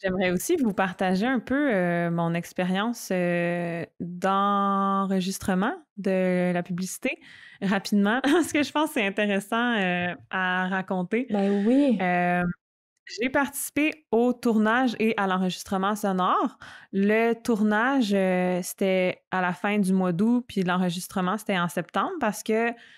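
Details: Stuttering in an adult woman who stutters and is a master's candidate in speech-language pathology, speaking in French.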